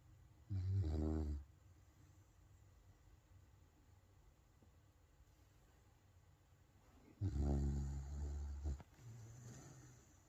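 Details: Sleeping dog snoring: two low, rumbling snores separated by quiet breathing.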